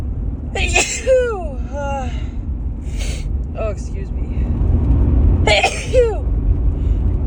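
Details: Woman still recovering from a cold, sneezing while driving: two forceful sneezes with sharp vocal onsets over steady car-engine rumble; repeated sneezing.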